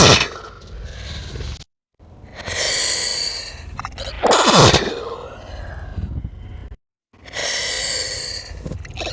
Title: Slowed Down Version Of 5 Natural Sneezes